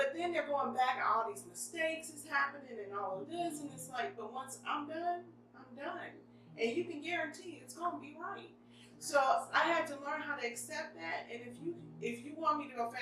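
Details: Adult woman speaking; ordinary speech.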